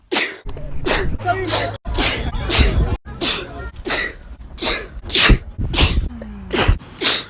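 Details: Rapid run of explosive sneezes, about a dozen in seven seconds, with short gasping breaths between, from a girl's sneezes recorded over about a year; sneezing.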